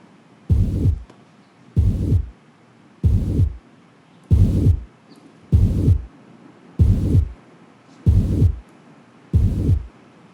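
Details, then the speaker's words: Patient auscultated at the apex, fifth intercostal space, midclavicular line: slow heart rate, about 47 a minute, each beat followed by a low rumbling murmur, mitral stenosis. "Is it a discrete sound or is it a murmur? First question. Murmur. So this was a murmur."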